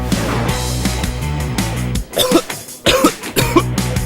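Three acted wet-sounding coughs from an adult over background music, portraying a productive, phlegmy cough.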